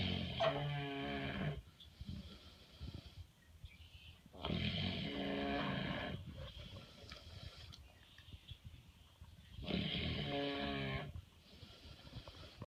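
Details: Sleeping pig in a barn in the evening: loud, rough, rattling snores, three long breath cycles with quieter breaths between, about five breaths a minute.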